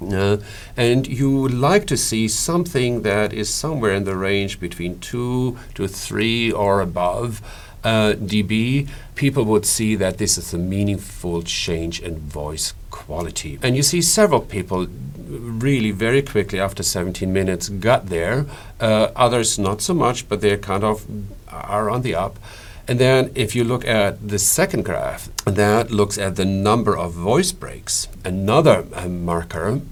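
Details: Adult male speaker; normal voice.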